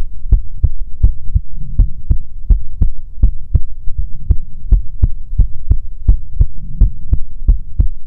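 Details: Heartbeat recorded for ASMR relaxation: steady, regular lub-dub at about 80 beats a minute with a low hum behind it.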